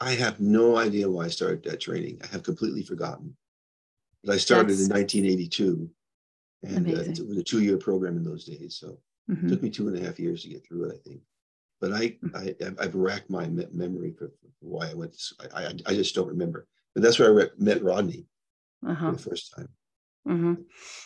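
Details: Adult man with progressing Parkinson's disease who reports mild stuttering, losing his words and impaired balance; stuttering-like disfluency in Parkinson's disease.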